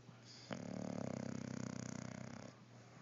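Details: Snoring: one long, low, rattling snore lasting about two seconds, with a fast buzzing flutter through it.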